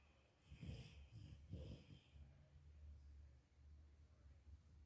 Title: Yellow Labrador retriever, Mulan, snoring away loudly in her sleep